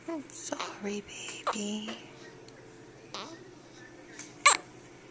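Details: A newborn a few hours old with her first hiccups after birth, likened to a little puppy: short, high-pitched squeaks and sudden catching sounds amid babbling and room noise; hiccups.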